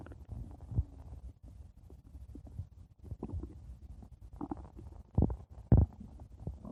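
Low, continuous rumbling and gurgling with several louder gurgles: ordinary stomach growling.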